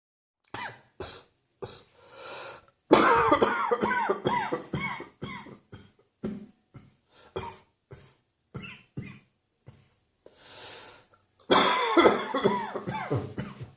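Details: Mid-morning winter coughing fit in an adult: many sharp coughs, some in rapid runs, with voiced, strained breaths between.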